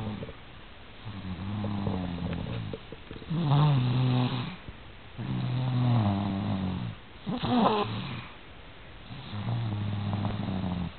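Steady, low rattling snores with each breath, roughly five breaths in eleven seconds; loud snoring in sleep.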